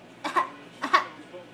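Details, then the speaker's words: An infant who has just learned to fake cough for attention gives two brief, light cough-like bursts, a deliberate voluntary cough rather than an illness cough. "he just learned how to make a fake cough what are you doing you fake coughing"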